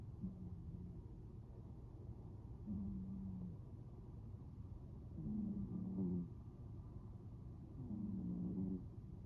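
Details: Snoring during sleep: low, rumbling, tonal snores recur about every two and a half seconds, roughly 23 a minute, over a steady low background hum.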